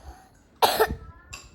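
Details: Child with a mild lingering cough still present: one short cough burst with a faint second sound.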